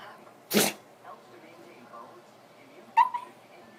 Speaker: Oh, okay. Did he sneeze on you? Oh, buddy.